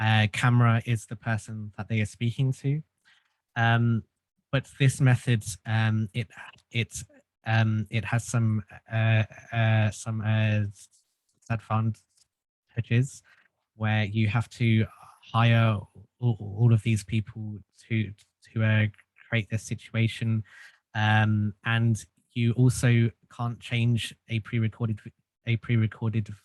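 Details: Stuttering in an adult male who has stuttered since childhood and found group speech therapy helpful.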